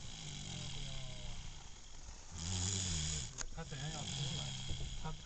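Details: Baby asleep in the car: soft, low rattling breaths with faint background noise; light infant snoring.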